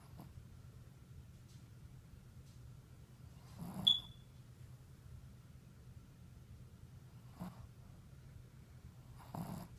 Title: Dog sleeping with his eyes open and snoring.